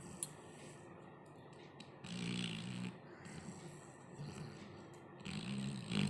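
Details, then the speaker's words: Snoring from a sleeping Labrador dog in deep sleep, moving its legs; soft, low rumbling snores in two or three drawn-out breaths over quiet room noise. "আবার ঠ্যাং নাড়াচ্ছে। নাক ডাকছে না বাজ পড়ছে বোঝা যাচ্ছে না। গভীর ঘুমে মগ্ন।"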